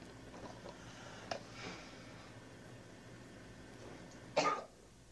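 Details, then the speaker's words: A person with Tourette syndrome, who also has eye blinking, facial grimacing and head-jerk tics, gives a single loud, abrupt cough out of quiet room noise. It is a vocal tic, not from a cold. "oh I also have vocal ticks I have vocal tick the loud coughs I don't it's not CU I have a cold that actually ticks"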